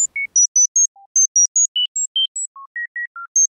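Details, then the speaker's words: Tinnitus acoustic therapy sound: rapid sequence of short pure tones jumping between pitches, from a therapy designed for a patient's needs using audiometry data to reduce chronic tinnitus. "poder dar un vistazo al comportamiento del cerebro cuando está siendo rehabilitado a través de sonidos específicos este es el sonido de una de nuestras terapias"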